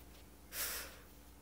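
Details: An eleven-pound poodle-type dog, said to be the loudest snorer in the house, gives a single brief, breathy snort through the nose against a faint background hum.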